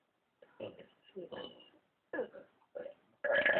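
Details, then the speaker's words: Boy burping on a dare from his mom: several short, croaky burp-like sounds in a quiet room, ending in a longer, louder burp. "I'll be showing you uh my burp today and my mom dared me to do this."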